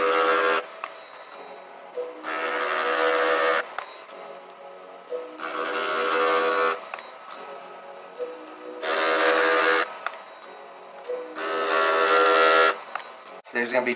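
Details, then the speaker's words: Repeating buzzing pulses of one to two seconds with short pauses: a Thermage radiofrequency skin-tightening handpiece firing over the whole face during treatment; the patient says the vibration bothers them. "the vibration is something that bothers me yes nobody it distracts you from the pain"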